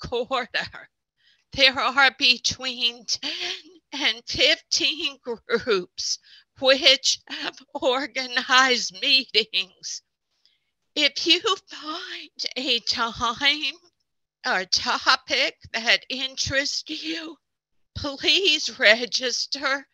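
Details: Adult speaker who counts himself among people with spasmodic dysphonia; spasmodic dysphonia.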